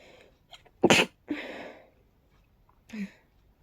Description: I've sneezes sooo fast I could barely catch my breath! Pollen can be so harsh sometimes, wow...